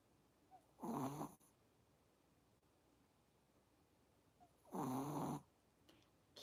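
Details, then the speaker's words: Moi, a Chihuahua, snoring loudly during a livestream, like an old man's snore. "聞こえましたか?どこのおっちゃんかみたいな引びき書いてます。"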